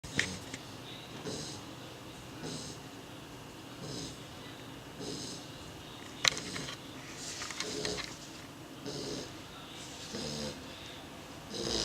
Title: Snoring beagle